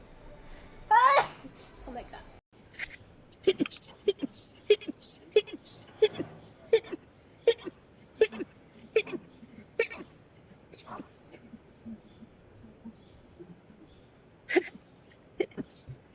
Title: girls sneezing rapidly. #22.|| rapid sneeze.